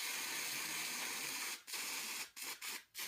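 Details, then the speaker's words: Steady loud hiss of pressurized cold spray in bursts with brief pauses: cryotherapy freezing of painful plantar warts on a 10-year-old girl's foot in a dermatology office. "now you're going to have a cold spray which you won't feel either"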